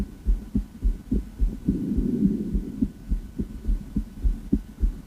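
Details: Female heart auscultated with a stethoscope: regular paired heart sounds at roughly 105 beats a minute with a low background hum; normal heart sounds.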